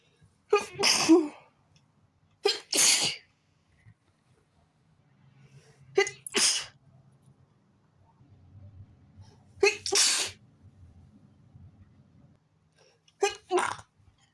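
Five forceful sneezes in quick succession, each with a sharp inhaled build-up, and quiet breathing between them: a sneezing fit.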